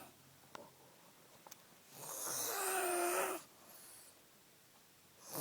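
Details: Young woman passed out on a couch after heavy drinking, snoring loudly: one harsh, rasping inspiratory snore lasting over a second, with soft room noise around it.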